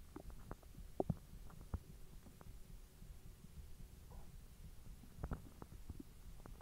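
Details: Belly recorded after eating hotdogs following 10 hours of an empty stomach: quiet gurgles and soft pops over low background noise, ordinary digestive bowel sounds (borborygmi).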